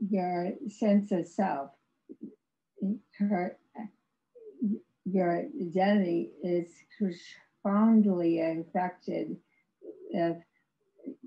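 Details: Woman with severe aphasia after a severe stroke in 2010; no speech for three years, with ongoing speech challenges, recorded in 2021, about 11 years post-stroke; aphasia after stroke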